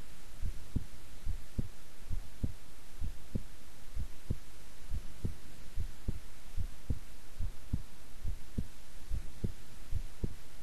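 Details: An adult's own resting heart sounds, recorded at length while keeping still: steady, regular paired beats at about 70 a minute over a low hum. Normal heart sounds.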